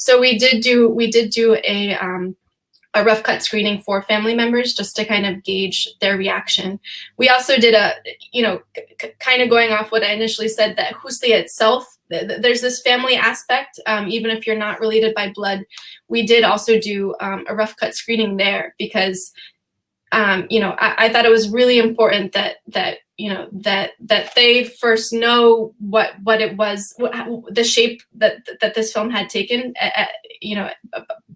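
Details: Real stuttering in an adult woman who says she stutters sometimes, speaking on a panel.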